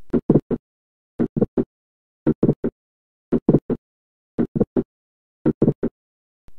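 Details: Teaching heart-sound recording of multiple systolic clicks (more than one click in systole), a finding sometimes accompanied by a late systolic murmur of mitral regurgitation.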